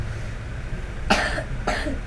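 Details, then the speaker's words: 5-year-old child in clinic with cough over a week: two loose, wet coughs over steady background hum; productive cough. "ayan narinig niyo 'yung ubo niya no?"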